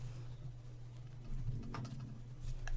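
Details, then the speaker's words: Adult's stomach rumbling heard while sewing: a low, gurgling rumble rising over a steady room hum, ordinary borborygmi from gas and fluid moving through the gut. "hope you didn't hear that that was my stomach rumbling aha"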